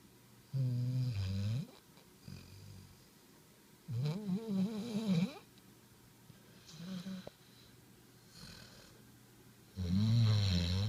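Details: Snoring with tongue out: low, irregular snorts and buzzing breaths with quiet gaps between them in a quiet room.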